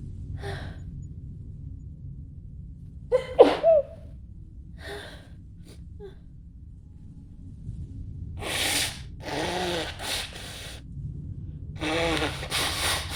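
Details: Simulated female allergy sneezing fit, acted as if in a cinema: several stifled, muffled sneezes with quick gasps, then louder open sneezes.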